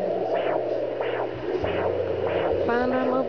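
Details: Doppler at 9 weeks 4 days of pregnancy: rhythmic whooshing pulses over a steady electrical hum; early fetal heartbeat, described as nice and strong.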